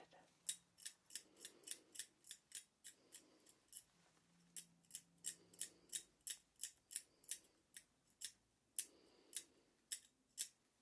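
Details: Simulated ASMR deep dental cleaning role-play for a nervous patient, with a dental hand scaler removing heavy buildup: rapid, sharp metallic clicks and light scrapes in quick bursts of picking and scraping.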